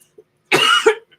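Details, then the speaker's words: Single short, dry cough from an adult woman with seasonal asthma, currently manageable and triggered by weather change; she is also recovering from stomach flu: cough in asthma. "The asthma is manageable right now. You'll hear me cough now and again. In fact, like on Q, right?"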